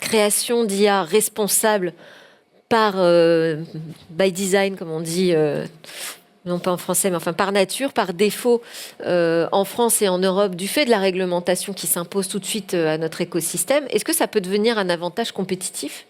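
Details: Adult woman speaking French; Normal voice.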